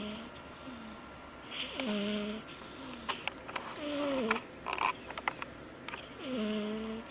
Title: Cat snoring LOUD High